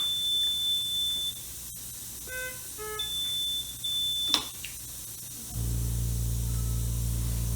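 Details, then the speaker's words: Medical ventilator being set up from scratch on oxygen, air and mains power with the circuit open, then switched on: electronic start-up beeps and short chimes, then a steady low hum; normal power-on self-check tone. "we will now turn on the ventilator with the on switch which is located underneath this clear block and we will press it on"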